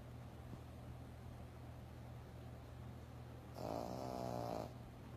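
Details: Yorkie dog snoring while asleep on a couch: one brief, throaty snore over a steady low room hum.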